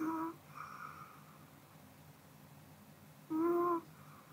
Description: 【ASMR】 Pomeranian sleeping (snoring)